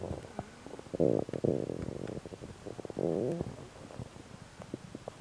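Gurgling, bubbling bowel sounds with short low rumbles; stomach rumbling that the person links to a stomach ulcer.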